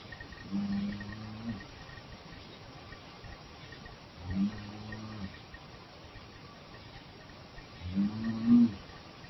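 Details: Sleeping adult recorded after clonazepam (noted as "5 clonazepam"), with uncertainty whether the sounds are moaning or snoring: three low, steady voiced moans about four seconds apart over faint room hiss; sleep moaning.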